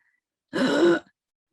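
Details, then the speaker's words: Adult imitates stridor in a talk on serious illness in children with Down syndrome: one harsh, high-pitched, rising noise on breathing in, signalling upper airway trouble such as croup or another airway infection. "that noise is a sign that there's something going on in the upper part of the airway which might be croup or it might be a different type of airway infection"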